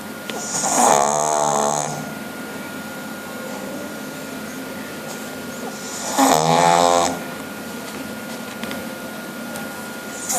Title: Snoring pug